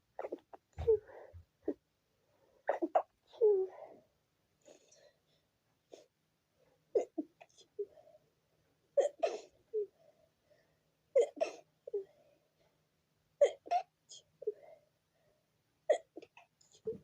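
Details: Sneezing fit at 4 a.m. that prevented sleep: many short sneezes in quick succession with brief catch-breaths between, repeating throughout.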